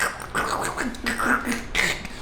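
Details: Mouth-made crackling and popping imitating the speaker's wrist, elbow and shoulder crepitus heard during a quiet training session; joint crepitus (vocal imitation).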